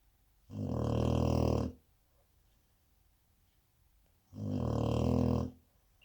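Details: Snoring from a 4-month-old Cane Corso puppy.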